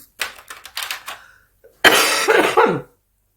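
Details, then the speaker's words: Adult woman recovering from pneumonia, still coughing (less than last week): a run of about five short, soft coughs, then a pause and one louder, harsher cough with a voiced tail; repeated coughing that tickled her throat. "me, as you can hear, I'm still coughing. Oh, sorry. Yeah, I'm going to grab a drink a little. Sorry. That tickled my throat. But yeah, I am still recovering from my pneumonia."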